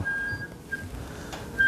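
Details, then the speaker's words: Thin, steady high-pitched whistle that cuts out and returns: acoustic feedback squeal as a Cochlear BAHA 3 (BP100) bone-anchored sound processor for single-sided deafness is attached after surgery, which the wearer takes as a sign it is working. "I can hear it squealing when it goes in and I like I like that sound right now"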